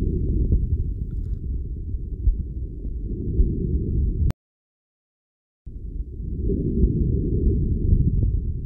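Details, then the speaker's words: Normal vesicular murmur in a healthy person, auscultated over the costal and subaxillary areas with arms raised and compared side to side: a soft, low-pitched rustle, almost exclusively inspiratory, best heard on deep inspiration. "el murmullo vesicular es un ruido casi exclusivamente inspiratorio suave y de tonalidad baja"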